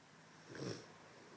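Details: A puppy in deep sleep, barely able to open its eyes, snoring: a single low, rough snore against quiet room noise.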